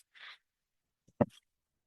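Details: The speaker's own mechanical ventilator in a quiet room: a short soft hiss of air, a pause, then a sharp click with a brief low thump, one breathing cycle.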